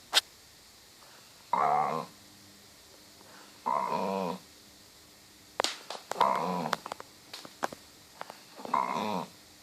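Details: Dog asleep: loud, buzzing, groaning, cow-like snores about every two seconds, with short clicks and snorts between; snoring.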